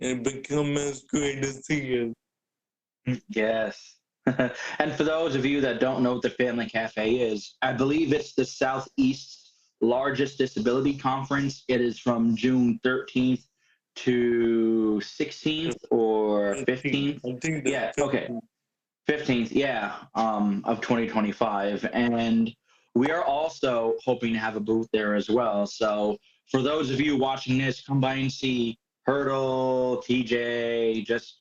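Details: Adult speakers in conversation; ordinary speech.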